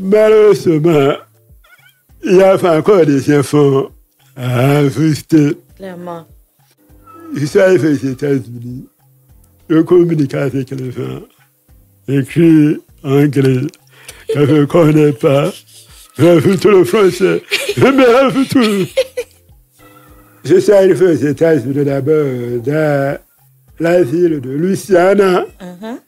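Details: Deaf man who lip-reads, with hearing loss from a childhood illness, who says his voice is not normal because of it; speaking French; deaf speech.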